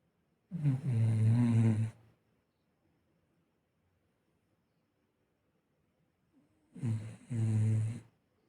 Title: Lallu snoring (लल्लू घर का चौकीदार, चौकीदारी भूलकर बड़े मज़े से सो रहा है।)😂